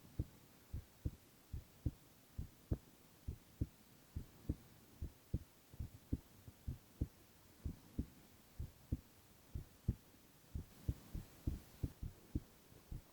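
Steady soft low thumps in lub-dub pairs at about 90 beats a minute, with no extra sounds: an ordinary healthy heartbeat.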